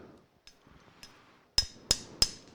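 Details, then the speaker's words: Knee arthroscopic microfracture of the medial femur, which shows synovitis, osteophytes and wear and tear: an ice-pick awl tapped into soft bone, several sharp metallic taps with the last three loud and evenly spaced. "this is where we put a little ice pick type device inside the knee just going to move back to where I was then we're just going to go tap tap tap"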